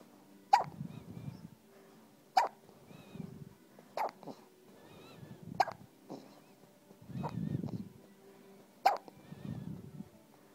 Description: ...... My baby has hiccups ..... sounds like a little puppy lol